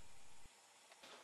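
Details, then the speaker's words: Quiet, steady airy hiss of CPAP (Beatmungsgerät) airflow with a brief low rumble that fades, from a man with sleep apnea treated in a sleep lab, now sleeping restfully on CPAP therapy. "durch die behandlung im schlaflabor kann udo bertram auch wieder erholsam schlafen keine störungen dank beatmungsgerät"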